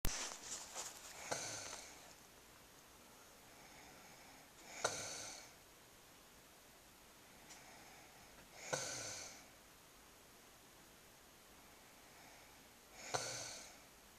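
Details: Sleeping wife: slow, regular noisy breaths with a rough fluttering sound on each, about four in fourteen seconds, in a quiet room; snoring.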